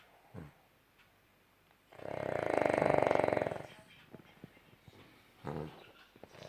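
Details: Dog snoring: a single long, loud, fluttering snore with rapid vibration, then quiet breathing with faint clicks.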